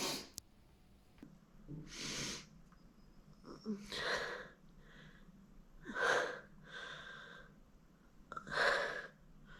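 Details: Woman sneezing after tickling her nose with a feather duster: several hissing, breathy sneezes a few seconds apart, with short noisy breaths between them.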